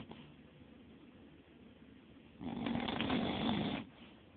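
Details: Snoring during sound sleep: quiet breathing, then one loud rattling, fluttering snore lasting about a second and a half.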